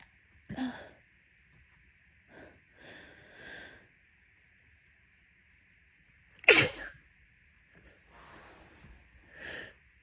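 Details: Induced sneezing from an itchy nose: two sharp, wet, messy sneezes, each led by sniffing, quick breaths and preparatory inhalations.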